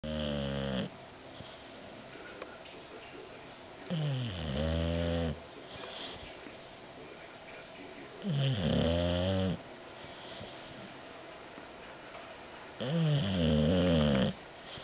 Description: my dog dozer snoring